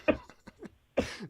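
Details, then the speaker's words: Male caller coughing over a phone line right after dabbing (inhaling cannabis concentrate through a torch), a few short, harsh coughs described as an attack. "Dude. I'm gonna leave you while you're coughing here because this is good."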